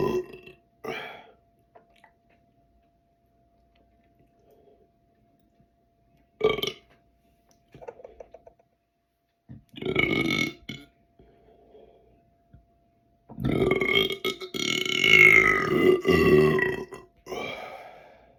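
A few short gulping sounds, then a long, loud, voiced burp lasting about four seconds.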